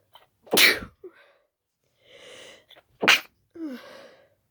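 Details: Sudden sneezing attack after an hour of itchy nose, with sneezes growing faster and the nose becoming stuffy, cause unknown: two loud, sharp sneezes, each with a quick breath in before and a short breath after.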